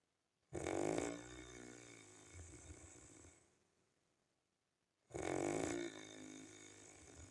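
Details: A person's own real snoring: two loud, rattling snores on the in-breath, each tapering into a quieter breath, about four to five seconds apart. Typical snoring.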